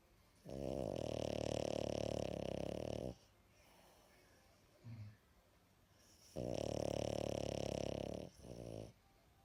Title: The snoring 😂🤣